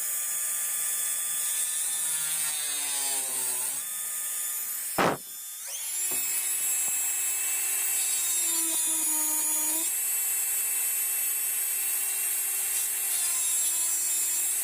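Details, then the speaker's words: Simulated preparation of mandibular first molar (FDI #36) on a typodont for full veneer crown: steady high-pitched high-speed handpiece whine, pitch dropping under load, cutting depth grooves for the cusp tips. "It is also beneficial and better to make grooves along the groove area also, so that when you reduce, it will be like you are connecting two grooves and not just blindly reducing it. Okay, so let us start with making grooves."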